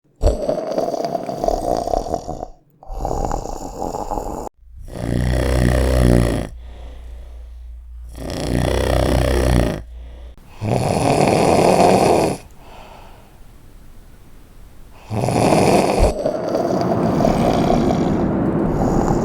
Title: SNORING YOUR WAY TO SLEEP